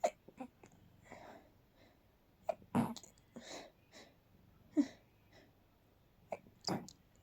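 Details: Quiet, very stifled night sneeze attack, held back so no one woke up: several suppressed sneezes with soft catching breaths in between in a quiet room.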